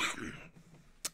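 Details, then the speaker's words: Adult man still recovering from a days-long illness: a single short, harsh cough or throat clear, followed by quiet and a brief noise burst. "You can probably hear that I'm still coughing. I am being quite a lot better than I was like a couple of days ago."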